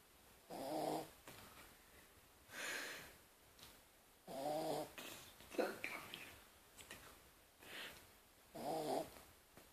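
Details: Draper, a sleeping cat, snoring rhythmically with buzzy low in-breaths and softer out-breaths, about four cycles over ten seconds.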